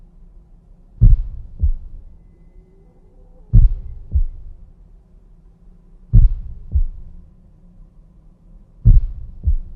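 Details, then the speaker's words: Normal heart sounds (S1 and S2) in a teaching demonstration: slow, regular pairs of a louder, lower first sound and a shorter, sharper second sound. The second sound is from pulmonary and aortic valve closure and is heard best at the heart base. "este segundo ruido se adjunta con más claridad en la base del corazón los cuales son el foco pulmonar y el Ártico normalmente este ruido se describe como un es más corto y más agudo que el primero"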